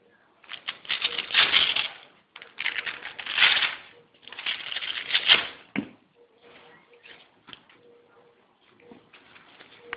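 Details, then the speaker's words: Blood pressure measurement with a sphygmomanometer during a cardiovascular examination of an adult male patient: three long hissing rushes of air as the cuff is pumped, then soft clicks; cuff inflation. "kita lakukan tensimeter yang berfungsi untuk mengetahui tekanan darah daripada pasien tersebut"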